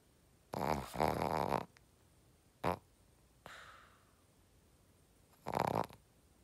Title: [shih tzu] Does your Shihtzu snore like this?